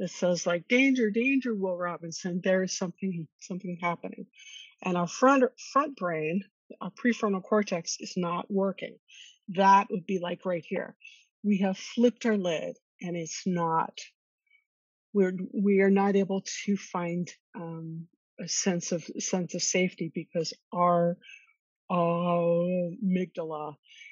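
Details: Stuttering in an adult woman who has stuttered since childhood and attended speech therapy growing up.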